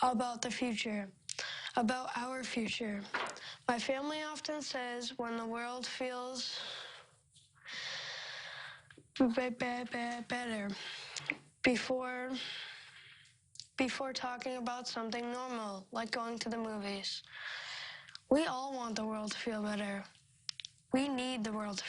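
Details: Speaker who struggled with a stutter as a child; stuttering.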